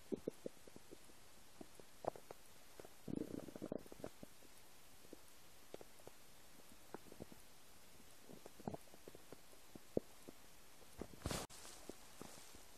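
Faint scattered clicks and gurgles, with a brief rumble, over steady background hiss. Ordinary rumbling of an empty stomach.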